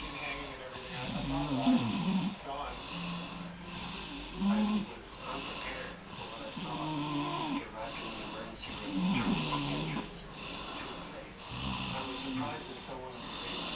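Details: Adult man (dad) snoring heavily: loud, buzzing snores repeating irregularly, about 20 a minute, some with a whistling edge.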